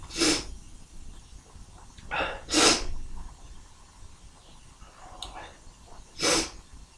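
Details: Sneezes induced by tickling the nose, forceful, though the mic does not capture their full explosiveness: three sneezes with sharp explosive bursts, each preceded by a short intake of breath.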